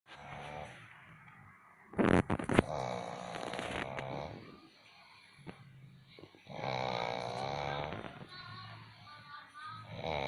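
Loud rattling snores on inhalation with quieter pauses between breaths, typical snoring.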